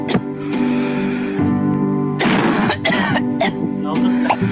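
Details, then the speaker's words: Several short, harsh, unproductive coughs with no rattle over background music: a child's dry cough played as an example in a lecture on pediatric cough characteristics. "so we have the dry cough then the St cough and then the wet cough which will play out so first the dry"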